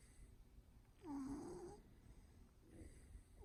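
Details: A single low, rattling snore during sleep from Fat Louie, a cat, with quiet room noise around it; ordinary snoring in a cat.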